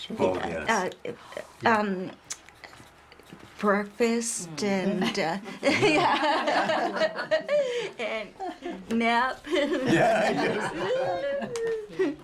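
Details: Adult male stroke survivor with post-stroke aphasia who was very limited in words after the stroke and at first unable to speak; aphasia.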